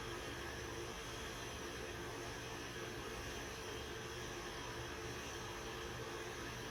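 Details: Steady, loud, continuous whooshing hum of a CT scanner acquiring a radiotherapy planning scan of a patient with left breast cancer, with four positioning markers placed before later tattooing.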